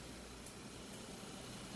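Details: High-frequency hearing test tone (14 kHz).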